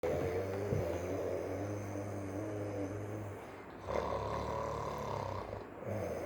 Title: 3 months old baby is snoring